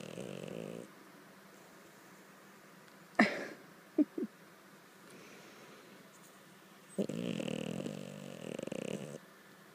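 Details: French Bulldog snoring in the morning: rough, buzzing snores from a flat-faced dog, with a snort and mouth noises between breaths.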